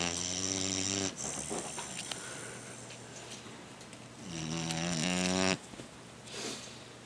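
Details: Sleeping pitbull/Olde English bulldog snoring: loud, rattling snores with a strong buzzing snore on each breath in and softer huffs out between them.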